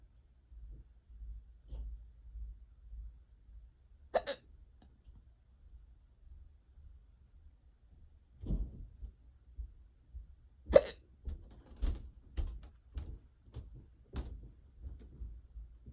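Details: An unusually severe, persistent bout of hiccups: several sudden, sharp hiccup gulps separated by quiet breathing, with soft sounds between them in a quiet room.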